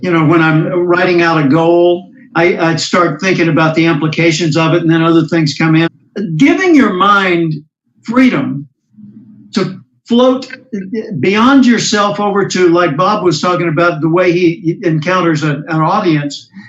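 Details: Adult speaker; no speech disorder.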